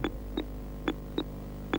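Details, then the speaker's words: Two people seated at rest with heartbeats monitored: soft thumps with electronic beeps from two interleaved heart monitors, each about 70 a minute, over steady hum; slow, normal resting heartbeats. "are having their heartbeats monitored so that you can see and hear them. That's at the top"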